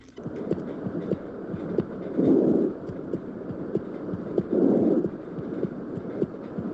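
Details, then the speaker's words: Soft, low rustling breaths through a stethoscope, each swelling gently then fading, soft on inspiration and heard over most of the chest: normal vesicular breath sounds. "segundo tenemos el mormullo pulmonar el cual se caracteriza por ser suave de inspiración y localizado principalmente en la mayor parte del"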